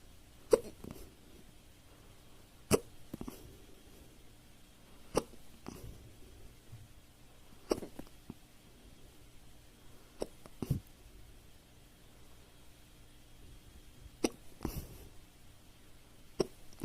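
Sharp, abrupt hiccup sounds recur at irregular intervals, about eight in seventeen seconds, in a quiet room: ordinary hiccups.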